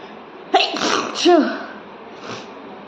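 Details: Person deliberately tickles nose with paper to trigger sneezing: a quick intake of breath, then one loud voiced sneeze with a short trailing exhale; sneeze.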